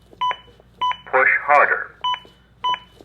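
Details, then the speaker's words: Evenly spaced electronic beeps of the Zoll AED Plus CPR metronome with a short voice prompt, pacing chest compressions on a training manikin after a shock, with real-time feedback on depth (2–2.4 in) and rate adjustments. "if I start going too slow or too fast the metronome will match my beat and then speed back up to get me back to the right rate same goes in reverse if I end up going too fast"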